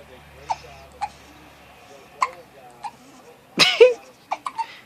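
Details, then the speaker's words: Two-week-old newborn twin boys with hiccups: several brief, sharp catches at irregular intervals, with soft squeaky sounds between; the parent says they seemed to hiccup every 10 minutes. "Huh? You got the hiccups? What about you? You got the hiccups too?"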